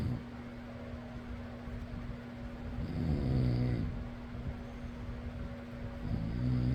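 Two soft, low snores on breathing in, partly masked by a steady fan hum.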